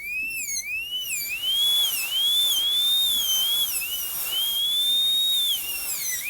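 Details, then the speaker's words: Dental drill: high-pitched whine dipping and rising as a 6878K-018 tapered diamond cuts the functional cusp bevel, refining occlusal reduction during gold onlay preparation on tooth #18. "i've got a 6878k018 diamond in right now so we'll we'll stay out here where we can see really well on the functional cusp bevel"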